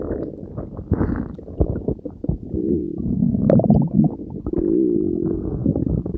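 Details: Continuous loud gurgling, bubbling and rumbling borborygmi from someone's own belly after consuming Diet Coke and Mentos, recorded for ASMR; active bowel sounds of ordinary digestion.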